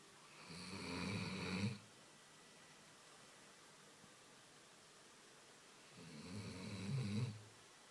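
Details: Dog snoring while resting at home after a long walk in pouring rain: two long, low, rattling inspiratory snores with quiet pauses, about eight breaths a minute.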